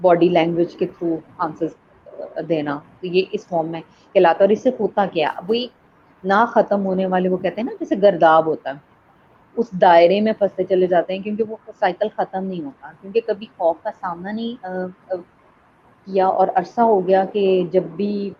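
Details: Adult woman speaking Hindi; typical speech.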